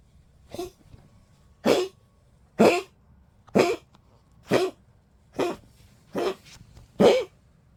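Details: 15-year-old Poodle: series of eight harsh, hacking dry coughs about one a second in a quiet room; repetitive cough in an older dog.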